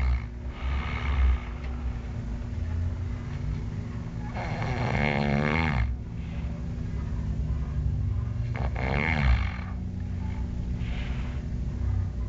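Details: Snoring: deep, rumbling snores on two long breaths, with low, steady room hum between them.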